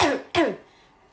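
Two quick, forceful voiced throat-clearing bursts in close succession, a vocal tic of Tourette syndrome.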